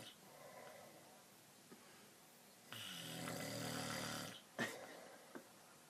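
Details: Adult father snoring in sleep, one rough, rattling snore on a breath in over steady room noise.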